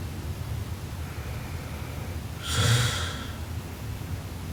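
One loud, rough, snorting snore on an in-breath, with quiet breathing before and after.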